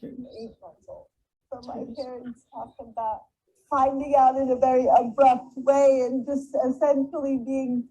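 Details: Person with cerebral palsy with spastic dysarthria, a motor speech disorder affecting mouth muscles; spastic dysarthria.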